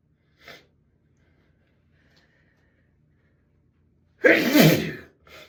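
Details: Sneezing fit in a bathroom, person says it tickles badly and can't stop: a soft intake, then one loud explosive sneeze and the start of another.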